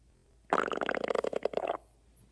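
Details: A rapid gurgling, bubbling rumble lasting just over a second; ordinary stomach growling (borborygmi).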